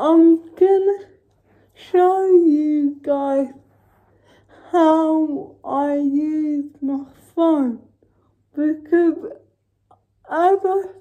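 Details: Woman with cerebral palsy speaking in a daily vlog; dysarthric speech in cerebral palsy.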